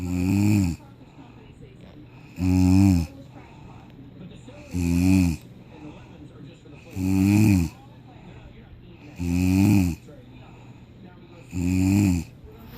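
Loud, regular snores with a deep rattling tone, about one every two seconds (roughly 26 a minute), separated by quiet pauses.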